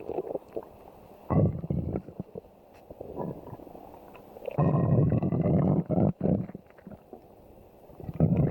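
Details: Low rumbling and gurgling noises in irregular bursts, some long and drawn out; normal stomach growling (borborygmi).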